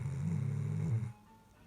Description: A funny video of the noises of my black Labrador Charlie snoring.